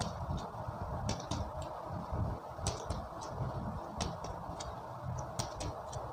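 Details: Finger percussion over the chest during a respiratory physical examination: a series of short, dull tapping notes, compared to judge whether the percussion sound is normal or abnormal; low room noise.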